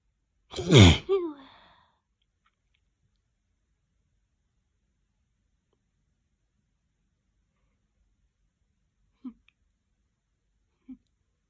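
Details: A person struggling with a sneeze that took a long time to come, producing one loud, wet, explosive sneeze after a brief lead-in, then faint sounds.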